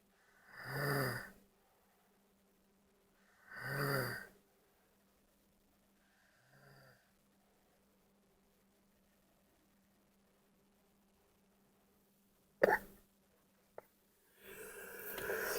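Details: Snoring from a sleeping man: slow, loud rattling snores on breathing in, roughly every three seconds, then a fainter one and brief room noise.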